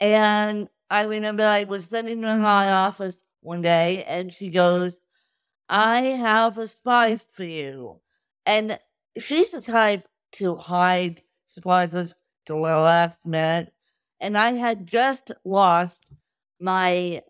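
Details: Adult woman with cerebral palsy since birth from lack of oxygen at birth; wheelchair user with difficulty speaking, sitting up and eating, and easy fatigue; dysarthria (cerebral palsy).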